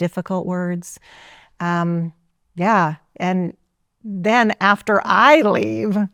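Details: Adult woman, a former congresswoman, with aphasia after being shot in 2011, relearning to talk and working with a speech-language pathologist; aphasia.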